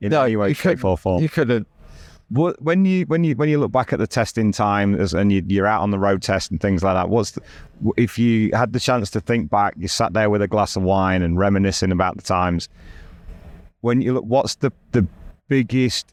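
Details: Adult man speaking; normal speech.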